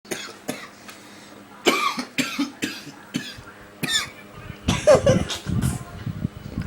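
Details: Repeated sharp coughs in close succession, ending in a rougher, strained burst; a prolonged coughing fit that just kept going.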